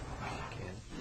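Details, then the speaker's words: Bronchophony: during chest auscultation the patient says "ninety-nine" and the transmitted voice is louder and clearer than normal; this is checked when bronchial or bronchovesicular breath sounds are heard where they should not be. "voice sounds that are louder and clearer than normal as in this example are called Branca funny"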